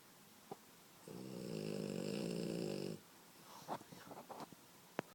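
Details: French Bulldog puppy snoring while asleep: one long, rattling, humming snore of about two seconds, then soft snuffling and sniffing.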